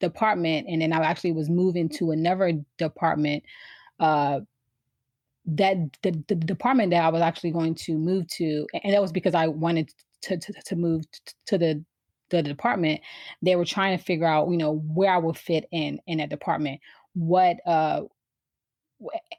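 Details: Adult woman who has stuttered since she began speaking, around age four or five, with trouble getting started on words; repeated and revised phrases; stuttering.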